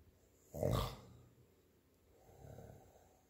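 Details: Snoring during sleep: a single loud snorting inhalation, then a softer rumbling breath.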